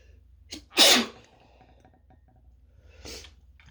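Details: Person working from home who thinks they are coming down with something, in a drawn-out fit of single sneezes. Quick breath in, one loud sharp sneeze, then a softer sneeze-like burst, in a quiet room.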